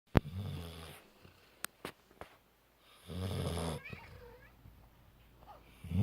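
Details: Female yellow Labrador sleeping on the couch on a pillow, snoring loudly: low rumbling snores with clicks and rustling in a quiet room.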